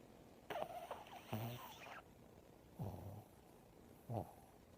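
A few short snorting, rattling breaths from a small dog, about three in under five seconds. Snoring.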